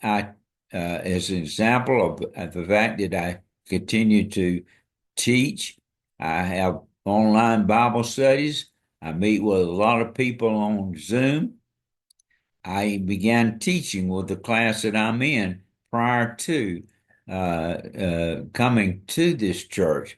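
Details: Dysarthria from ALS in an adult man diagnosed February 2024 after earlier diagnoses of Parkinsonism, Parkinson's disease, spastic paraplegia and primary lateral sclerosis; his walking and speech are failing and hand use is limited.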